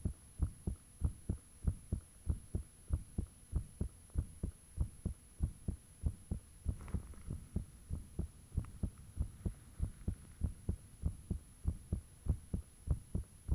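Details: Own heartbeat recorded with the fan off, shortly after it became unusually thumpy: loud, regular strong low thumps at about 97 a minute with a faint steady hum behind; heart sounds.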